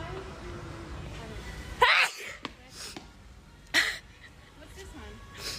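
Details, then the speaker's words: Sneezing in a woman in public, attributed to hay fever, with nasal congestion and trouble seeing: two sharp, explosive, hissing bursts about two seconds apart over public background noise. "Because I can't see. Or breathe. Because I'm sneezing."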